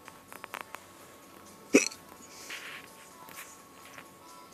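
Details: Single sharp, abrupt hiccup recorded in a car stopped for filming, over quiet background with faint radio music.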